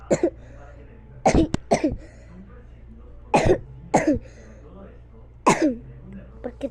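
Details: Child imitating a cough while playing with a doll that is pretend-sick: several short, spaced cough bursts, some in pairs; simulated, not a real illness.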